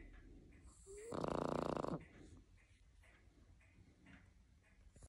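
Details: Snoring Boston Terrier: one loud, rattling snore from a small flat-faced dog, within quieter breathing and room noise.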